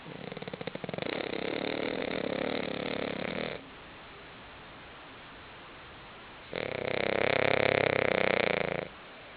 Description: Kirby snoring on the couch